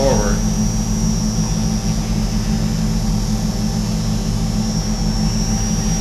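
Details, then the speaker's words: Arthroscopic burr entering from the back and slowly advancing forward along the acromion of a right shoulder during subacromial decompression: steady low motor drone with a faint high whine while shaving bone. "we've got the shaver or the bur rather coming in the back and then we'll slowly Advance"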